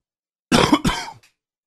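Two quick, harsh cough bursts in close succession, slightly throaty, followed by a faint catch of breath; a cough from a cold coming on.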